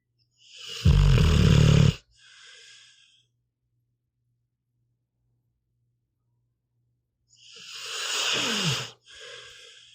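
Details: Sleeping pit bull dog, audio only: two snorting, rattling snores about seven seconds apart, each followed by a soft out-breath; snoring.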